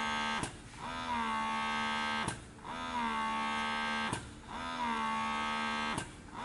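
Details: Pigeon GoMini double electric breast pump in suction mode at its highest level (5): a steady motor whine cut by a click about 32 times a minute, each click starting a new suction cycle.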